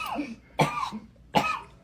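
Two short, sharp cough bursts from an adult, with faint voice sounds between them.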